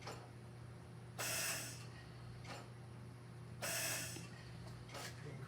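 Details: Steady machine hum with a regular hissing gas push about every 2.5 seconds from a Mallard 2800 anesthesia ventilator; bellows cycling at 25 breaths per minute with 0.3-second inspiratory time, just over 3 liters.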